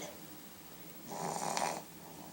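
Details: Single soft, rattly snore from a sleeping infant girl during her morning nap, with a runny nose lately; brief noisy breath in a quiet room, consistent with snoring through a congested nose.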